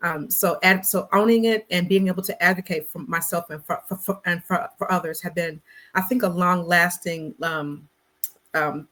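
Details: Adult Black woman who stutters, in conversational interview speech with word repetitions. Stuttering.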